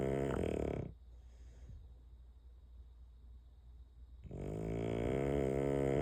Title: There will be no silence after LIGHTS OUT😮‍💨😂 #reels #fyp #bulldog #snoring #nmodekennelz